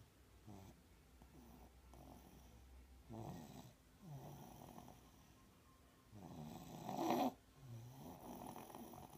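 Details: Baby with a bad cold snoring in sleep: soft, rough rumbles rising and falling with each breath, about every 3 seconds, over a low room hum.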